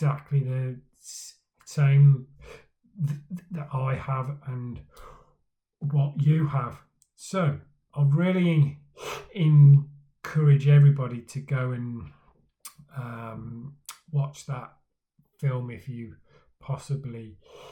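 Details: Male speaker who stammers, talking about his own stammering journey; stuttering (stammering).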